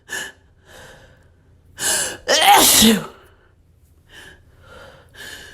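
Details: Escalating sneezing fit with sniffling, some sneezes covered: a sharp inward gasp, then a loud explosive sneeze, with quieter breaths and a lead-up sniff around it; sneezing.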